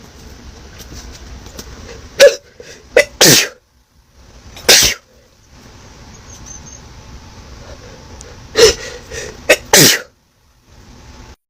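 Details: Intense sneezing attack: a run of about five sharp, explosive sneezes in two clusters over a low background hum.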